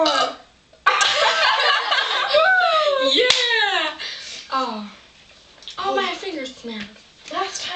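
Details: Deliberate burping in a contest among three young people drinking pop: a long, loud, voiced burp followed by shorter burps, over background room noise.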